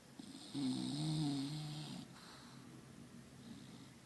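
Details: Bulldog snoring: one long, loud, rattling snore, then quieter breathing noise.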